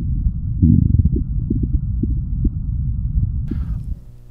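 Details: Hyperactive bowel sounds of diarrhea on the SAM auscultation manikin, heard in the upper abdominal quadrants: busy, rumbling gurgles.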